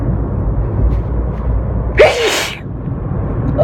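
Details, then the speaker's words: Single abrupt sneeze over steady car road noise from a person sneezing repeatedly while driving, unable to stop, with eyes watering so much they can't see properly and considering pulling over. "I'm sneezing all over myself on I'm drivin that's I got see properly it's not good well eyes are watering"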